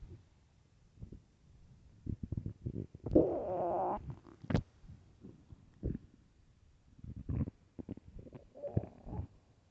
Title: extreamly LOUD stomach growls and empty stomach